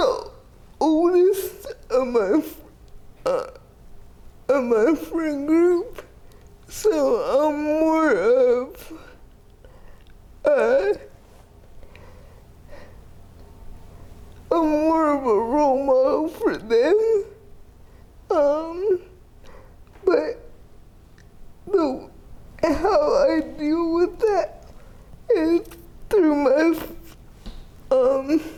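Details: 30-year-old woman with GMFCS Level 4 spastic quadriplegic cerebral palsy with an athetoid component affecting arms, legs and trunk; uses a power wheelchair, repeated eye and hip orthopedic surgeries; dysarthria (athetoid cerebral palsy).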